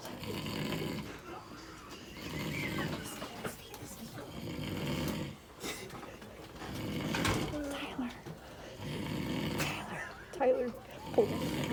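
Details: Person snoring so loudly they are moved, still sleeping, into another room as a prank: loud, rough snores in long rhythmic bursts, about five in twelve seconds, with background voices and room noise; heavy snoring.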